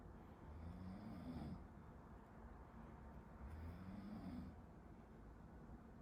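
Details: A person sleeping behind a medical student during a study-with-me recording snores: low rattling snores on each in-breath, about 20 breaths a minute, faint in the background behind steady room noise.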